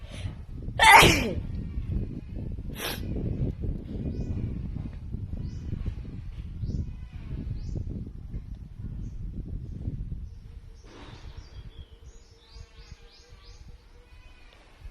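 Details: A Filipina woman sneezes outdoors, one sharp loud sneeze then a shorter one, followed by sniffing and soft rustling with birdsong.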